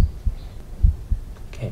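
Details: Stethoscope at the pulmonary area, second left intercostal space, during an undergraduate cardiovascular examination demonstration with breath held: low heart sounds, two beats in under two seconds, without obvious added noise, i.e. normal heart sounds.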